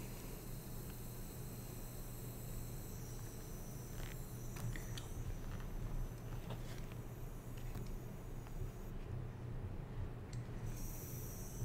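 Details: Steady low hum with faint hiss from a smart nebulizer, just switched on for a demonstration breathing treatment through a mouthpiece; the device coaches each breath and shuts off after 15 minutes.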